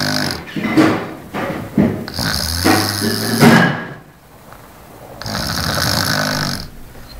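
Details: Person in deep sleep: loud, rattling snores in uneven bursts with brief pauses between breaths, heard in a small room; snoring.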